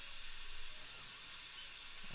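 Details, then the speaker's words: Crown preparation of upper molar (tooth #2), rubber dam in place: steady high-pitched whine of a bur running continuously as it notches the tooth to mark the core buildup level, faint room noise; dental drill. "I'm gu going to notch about where I want to be with my prep so my core buildup material will go to that Notch so I'm just going to notch it in this is right about"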